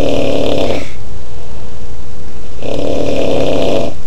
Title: Uncle Snoring